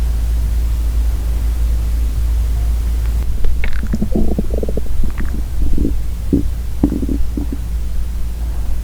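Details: Low gurgling and rumbling bursts over steady background hiss: real stomach growling (borborygmi) from a hungry girl's belly.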